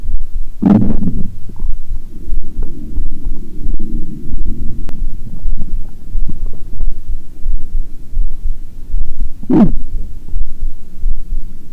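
Low continuous gurgling rumble through a stethoscope with two brief louder bursts; ordinary stomach growling picked up during a heart recording.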